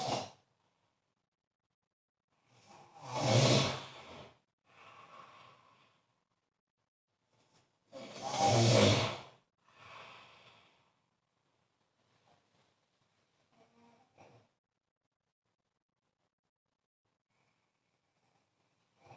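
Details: Loud rattling snores on inhalation, two strong ones followed by softer breaths, about 11 breaths a minute; ordinary snoring.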